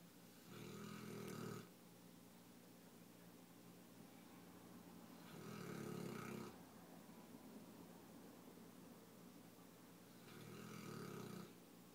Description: My neapolitan mastiff, Mason, at 7 months snoring away.